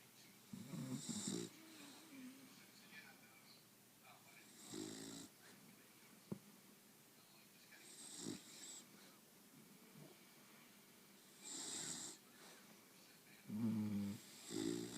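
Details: Sleeping dog snoring: regular rattling snores with hissing, whistling breaths, repeating every three to four seconds in a quiet room.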